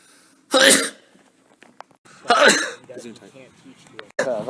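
Two sharp, explosive bursts about two seconds apart, with brief voice sounds between; sneezes.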